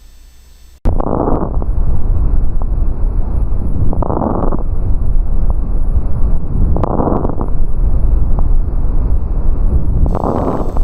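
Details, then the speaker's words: Fine crackles through a stethoscope, most audible over peripheral lung regions: brief popping crackles late in inspiration. "desse modo poderão ser detectados estertores Finos os estertores finos são mais audíveis nas regiões periféricas dos pulmões"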